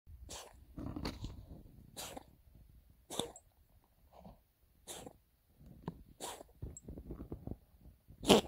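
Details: Dog cough: about seven short, harsh, honking bursts over eight seconds with some snorting between them.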